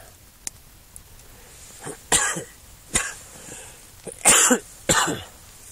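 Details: Adult with full-blown severe flu and high fever, camping outdoors at 25 degrees: several harsh, raspy coughs and throat clears in a quiet outdoor setting; cough.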